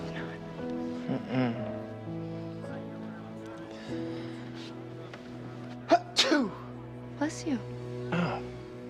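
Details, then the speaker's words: Dramatized TV drama scene: a quick sneeze-like burst over background music and quiet talk, followed by "you don't sneeze" / "I don't usually, no". "you you don't sneeze I don't usually no"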